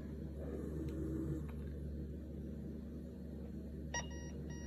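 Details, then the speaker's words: Breas Vivo 65 home ventilator rebreathing alarm, triggered by blocking the circuit's leak port (an obstruction alarm sounded first): repeating high-pitched electronic alarm tones over low machine hum, warning the patient may rebreathe exhaled carbon dioxide. "this is our rebreathing alarm okay so again the ventilator is alerting us that there was some alarms they had gone off"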